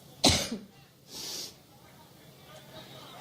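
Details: A woman coughing on stage during a Cleveland speech, which she attributes to an allergic reaction: one harsh, loud cough followed by a breathy exhale, with faint room noise.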